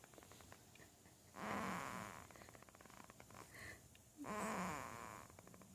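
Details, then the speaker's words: A sleeping male snoring: two soft, rumbling snores on breathing in, with quiet breathing between, over faint room noise. "He might not be your blood babe, but he sure does know how to snort just like Grandpa."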